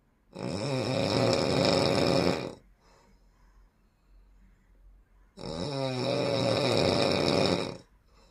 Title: the largest snoring in the world ever#beautycolor #viralvideo#viralshort #shorts